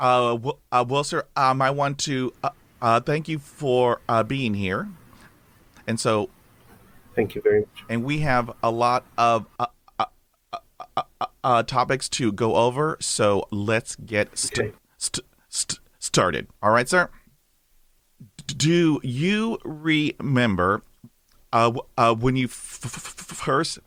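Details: Adult male with lifelong stuttering since he began speaking, mother also stutters; a recovering stammerer using breathing techniques from a stammering recovery course and a speech synthesizer for lectures; stuttering.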